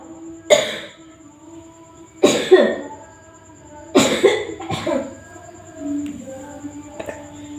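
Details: Four harsh, forceful coughs, some doubled, over soft background music, from an older woman who is ill with a severe cough and fever; repeated coughing.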